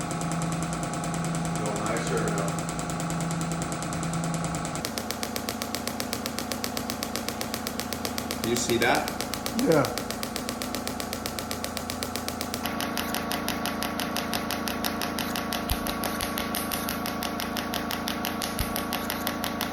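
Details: Shockwave therapy device applied to treat lower back pain and improve hip mobility: rapid rattling pulses in steady use, under background music.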